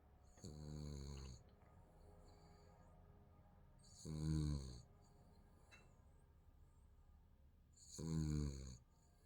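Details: Sleeping baby snoring: soft, low, rattling snores with each breath in, about 16 a minute; light snoring.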